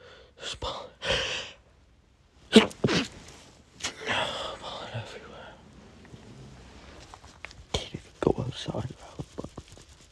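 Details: Adult male with pollen allergy, nose burning: several sharp sneezes with gasping, snorting and sniffing in between; a run of allergic sneezing.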